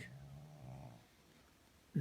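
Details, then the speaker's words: Tired pug snoring while resting in a shady spot outdoors in a national park, birds around: a low rumbling snore on one breath, then quiet. "So peaceful. Sound of the birds and a snoring pug."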